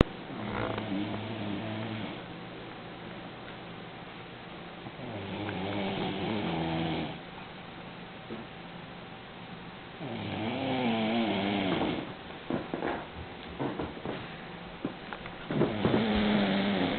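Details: Old man snoring in sleep: repeated loud, rough snoring breaths, roughly one every five seconds, with a faint steady hum in the room.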